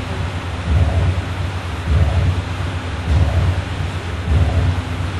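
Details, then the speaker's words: Mitral regurgitation from an incompetent, leaking mitral valve letting blood flow back into the left atrium during ventricular contraction: about 50 beats a minute, each with a low rumbling, rushing murmur in place of clean heart sounds. "刚刚第二个例子的话呢，它是在声帽瓣的地方产生逆流的现象。"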